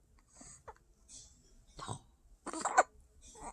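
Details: Baby boy hiccuping during tummy time while lying prone and trying to lift his head and push with his feet: soft, brief, jerky sounds, very quiet overall; hiccups.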